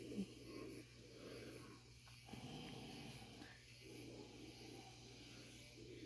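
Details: A man after a shower, having an ingrown hair removed from his beard, falls asleep and breathes with soft, rough noises rising and falling every couple of seconds over a steady low hum; light snoring.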